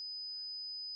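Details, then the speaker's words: Simulated tinnitus: a steady, pure high-pitched tone replaying the constant ringing in the head an adult hears after traumatic brain injury from multiple brain bleeds. "Uh, I have ringing in the head constantly. I'm I'm playing the tone now that I constantly hear and then once in a while I get ringing in the ear and now they sound like this together."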